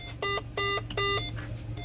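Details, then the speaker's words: Bedside cardiac monitor running during setup check of an ICU ambulance, no patient stated: three loud, evenly spaced electronic tones over low equipment hum. "আপনারা ইতিমধ্যে দেখতে পাচ্ছেন আমাদের মেশিনগুলো সব running করা হয়েছে।"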